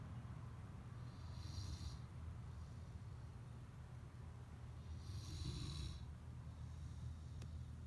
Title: wolfhound snores in sleep (almost 1 yo!) [sound on] [2021-04-21]